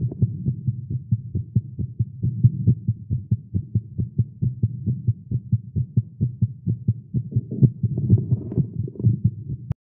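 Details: Fast heartbeat in a male during exercise after caffeine: rapid, fairly steady thumping beat with a low hum, about 130 beats a minute (tagged as irregular heartbeat).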